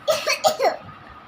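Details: A child gives three quick, dry cough bursts, apparently pretend coughing while playing with a baby doll and syrup: cough.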